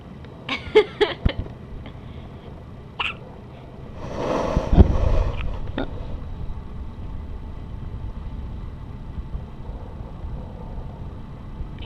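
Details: A 1-week-old newborn with hiccups: a short run of small, sharp hiccup sounds, then a breathy rustle and quiet room noise.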